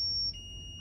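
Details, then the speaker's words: Zoll defibrillator in manual defibrillation mode, charging at the default 120 joules while hooked into pads: a steady high-pitched charging tone that steps down to a lower tone before a shock. "presses the charge button it automatically defaults to 120 joules so you'll charge um"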